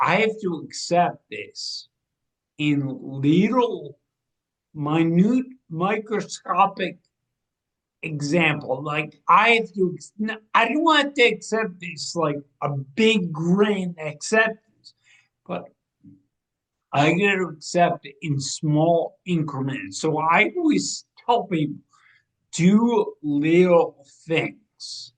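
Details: 45-year-old man with degenerative ataxia and cerebral atrophy, diagnosed in 2013 or 2014, affecting movement, balance and speech. His speech has been changing since about 2020 as the disease progresses. Ataxic dysarthria.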